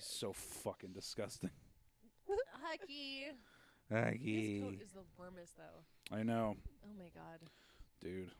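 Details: Adult male speaker; no speech disorder.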